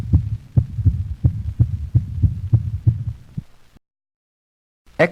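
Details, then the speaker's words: Dog heart auscultation: fast, irregular heartbeat near 180 a minute with beats varying in loudness; atrial fibrillation. "notice the irregular rate and variable intensity of heart sounds of a dog in atrial fibrillation"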